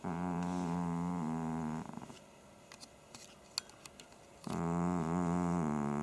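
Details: Pet cat snoring while asleep: loud, buzzing, rattling snores on each breath with quiet pauses between.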